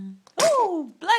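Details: Infant girl, a brief catch of breath then a sharp hissy burst with a falling voiced squeak, followed by an adult saying bless you; sneeze.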